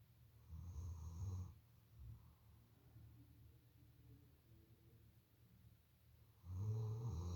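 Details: Female German Shepherd watchdog snoring loudly in deep sleep.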